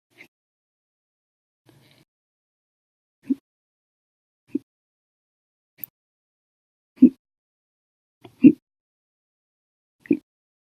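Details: Repeated hiccups: brief, abrupt throaty clicks at uneven intervals, about seven or eight in ten seconds, some louder than others, in a quiet room. The episode lasted 12 hours 36 minutes after breakfast, lunch and 2 cups of soda after dinner.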